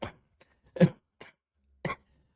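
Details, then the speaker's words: Sick adult man coughing while laughing, a harsh barking-sounding cough. "I'm laughing and coughing at the same time. I'm sorry I am sick. It sounds like I'm barking."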